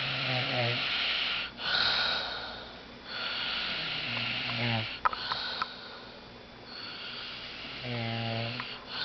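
Rough, rattling snores on the in-breath, a few seconds apart, with a soft hiss between them: ordinary snoring.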